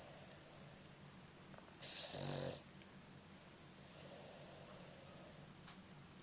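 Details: Sleeping Boston Terrier snoring, recorded with a Flip Video camera: loud, hissing, rough breath noises from a small flat-faced dog, with one harsher burst.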